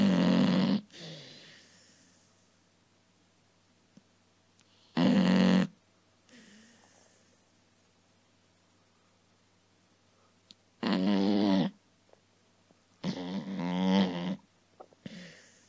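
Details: Dog Macy snoring loudly during her morning nap: rhythmic snoring with harsh snorts on in-breaths and softer out-breaths.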